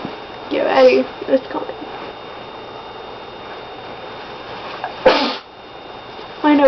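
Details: Two sharp, explosive sneezes with a breathy lead-in against room noise, deliberately induced by sniffing laundry detergent held next to the nose; sneezing.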